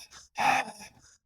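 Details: Acted imitation of a breathy, rough voice from vocal folds damaged by alcohol and tobacco that do not come together and stay apart; incomplete vocal fold closure.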